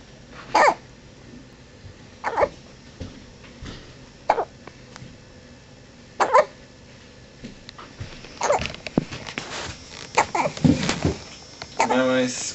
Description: Watch having hiccups and Mickey discovering the world.